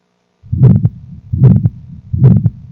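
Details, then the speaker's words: Paediatric congenital aortic stenosis teaching: rapid heartbeats with a harsh ejection systolic murmur filling each beat. "Ejection, systolic murmur. We'll see whether there is a click as well, right? And there will be a single second sound, right?"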